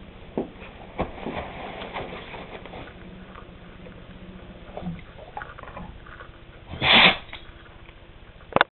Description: A dog sneezing (R.I.P. Penny 1/11/10)